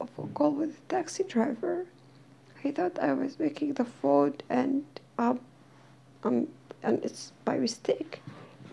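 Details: Dysphonia in a woman who is slowly regaining her voice while attending occupational therapy. She says she is hard to understand.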